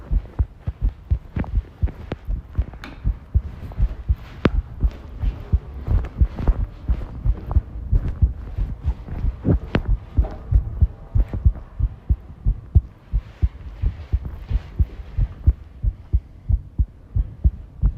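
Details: Heart sounds recorded while the person tidies a room, ASMR, stated to include arrhythmia; low thumps near 90 a minute with uneven spacing between beats, some rattling room noise. Irregular heart rhythm.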